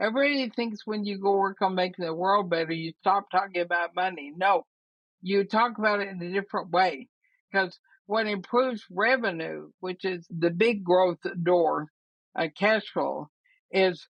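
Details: Woman about 80 years old diagnosed with ALS (Lou Gehrig's disease), who says she already has quite a bit of trouble speaking but thinks she is still intelligible; dysarthria (ALS).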